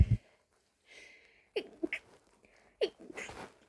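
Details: Stifled sneezes kept quiet after 2 a.m., attributed to pollen blown in through an open window: quick held-in inhalations, then suppressed, muffled sneeze bursts with little voice.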